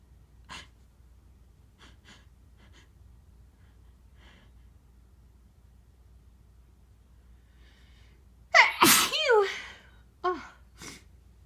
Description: these are my normal sneezes, induced with a tissue. i blow my nose a few times as well.